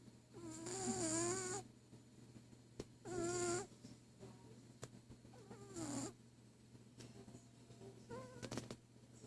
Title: Just a cat snoring